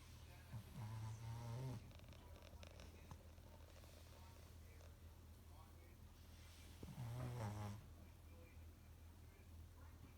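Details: Small dog snoring like a human while asleep: two low, rattling snores about six seconds apart over quiet room noise; snoring.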